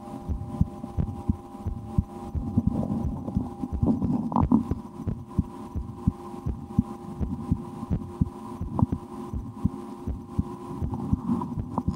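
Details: Own heartbeat recorded through a stethoscope for relaxation, at times holding breath or playing a game to raise the rate, after a restaurant lunch; regular soft low thumps roughly 80 a minute with steady hum and handling noise; normal heart sounds.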